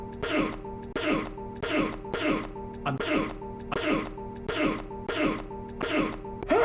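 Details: Alan Wake video game audio: after a lamp is knocked over, a character's sneeze is looped as about ten short throat-clearing or sneeze-like bursts in a row, with music underneath.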